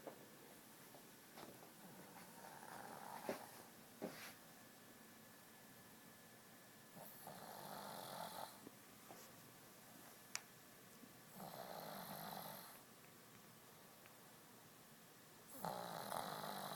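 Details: Snoring while asleep in an e-collar, worn for a couple of weeks after recent cataract surgery: soft, rough snoring breaths every few seconds in a quiet room with faint background hum.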